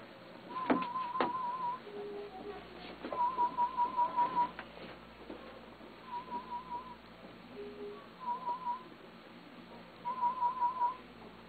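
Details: Aided hearing test before cochlear implant (CI) mapping: repeated groups of short, soft warbling test tones separated by pauses over quiet room noise, softer than the first test but heard and passed.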